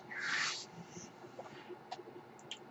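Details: The speaker's own mechanical ventilator cycling: a brief airy hiss, followed by quiet room noise and faint small clicks.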